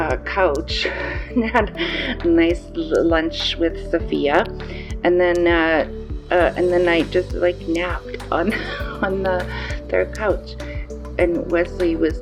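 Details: 54-year-old woman with aphasia after a stroke, currently in inpatient rehabilitation; aphasia.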